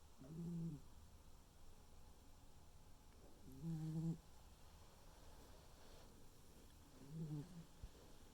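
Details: Quiet, short, low snores about every three and a half seconds, roughly 18 breaths a minute, from a sleeping tuxedo cat; normal cat snoring.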